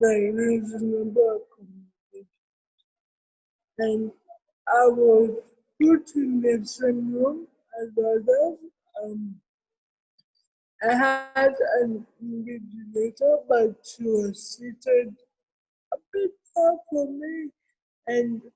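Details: Adult woman with cerebral palsy present since birth, real speech in an interview; dysarthria (cerebral palsy).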